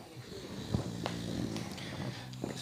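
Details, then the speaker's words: Dog asleep on a couch, head resting on another snoring dog, tongue moving as if dreaming: low, buzzing, snorting snore. "Listen to him snoring. Listen to that snoring. Wow, listen to him snore."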